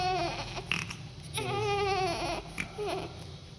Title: Cute New Born Baby Goes into Deep Cry .1st baby Of mom